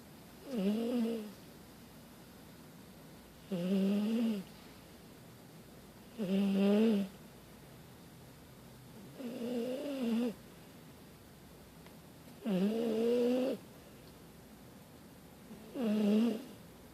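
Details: Dog sound asleep before bedtime: six rhythmic snores, about 20 a minute, each a buzzing, throaty rattle on the in-breath with quiet pauses between; snoring.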